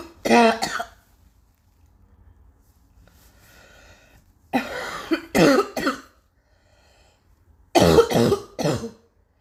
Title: still coughing like hell